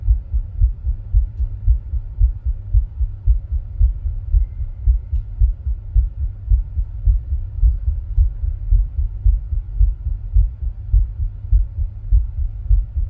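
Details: Own heart sounds recorded with ECG while rebreathing into a plastic bag: regular low thumps, fast at about 110 beats a minute, over a steady low hum.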